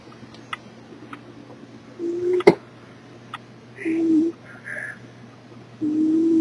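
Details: Soft, whining, slightly distorted snoring recurring about every two seconds over a quiet room with faint clicks: a sleeping cat snoring.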